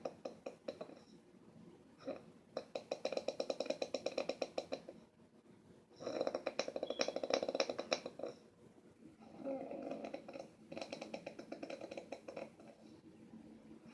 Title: Queen of snoring